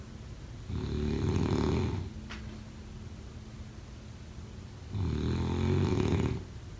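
Two loud, rough, low-pitched snores on breathing in, separated by a quiet pause. Ordinary sleep snoring.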